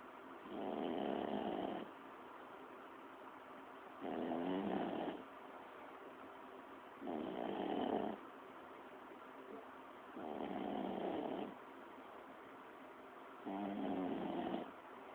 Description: Do I snore loudly or quietly?